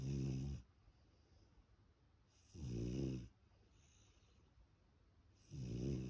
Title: Snoring puppy 2022